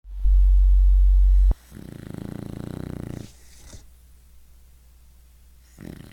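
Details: Pet dog snoring loudly while asleep: a loud low thump at the start, then a fluttering snore-like breath and softer breathing.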